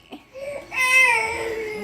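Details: Brief infant cry: a short whimper rising into a sustained, high-pitched wail that slowly falls in pitch.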